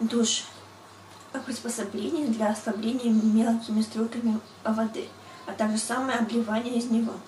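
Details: 20-year-old woman with severe stuttering for 12 years, reading a text aloud during an initial assessment; stuttering.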